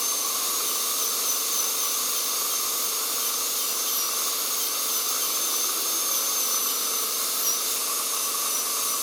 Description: Then don't listen to this terrible sound of a dentist drill with aspirator, it is extremely painful in the ears.